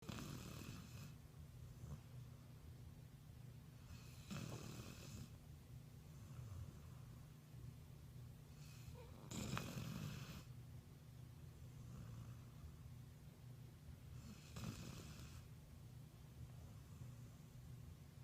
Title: Cute Puppy Snoring 💤